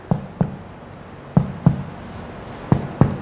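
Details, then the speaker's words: Normal abdominal percussion in a skills-lab physiological abdominal exam: six hollow, drum-like finger taps starting near the midline; all tympanic, like a drum being struck, meaning bowel gas is normally distributed. "selesai seharusnya di semua titik 13 titik tersebut yang sudah kita ketuk semuanya ee bunyinya adalah timpani jadi bunyinya seperti gendang yang di apa Sedang dipukul"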